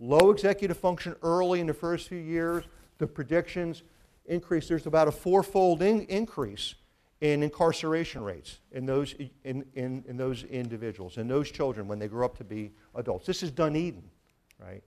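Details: Adult man with a severe stutter since childhood, also present in his father and brother, treated by a speech pathologist from age nine; now mild and residual, with audible word and phrase repetitions; finding: stuttering.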